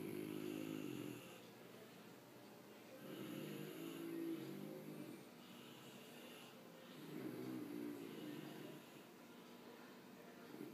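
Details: A father and son snore at the same time: rhythmic rumbling snores about every three to four seconds over a faint room hiss.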